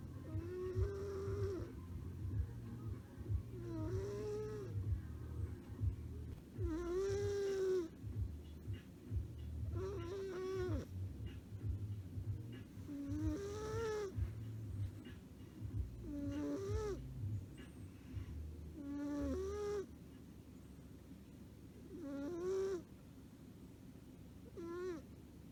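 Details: Sleeping Exotic Shorthair cat snoring, with a whistling, squeaky nasal tone on each breath, about 22 breaths a minute.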